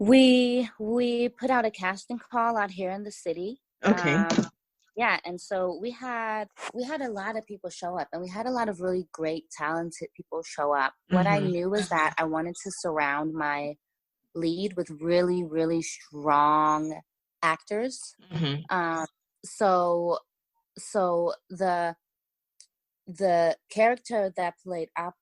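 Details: Stuttering in an adult woman writer who says she has a stutter that listeners may hear.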